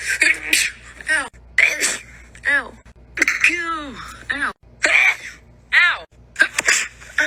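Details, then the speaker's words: Several sharp explosive sneezes, some with a voiced 'ah' lead-in, from different people in a compilation, including hay fever and allergy sufferers; repeated sneezes. "Out here raw dogging these allergies. Oh my god. So many sneezes. It's constant."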